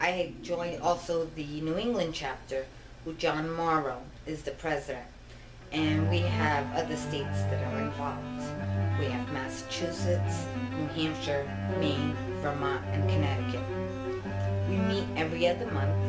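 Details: Adult woman with genetic ataxia (Machado-Joseph disease), diagnosed around 2000 and disabled since 2013, which impairs her balance, vision (double vision) and speech; ataxic dysarthria.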